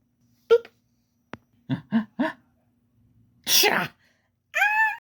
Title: a wolf pup's sneezes.